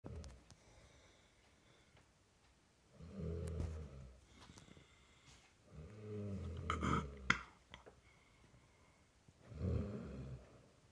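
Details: Loud, rough snoring in a quiet room: three low rattling snores about every three seconds, with soft breathing between them.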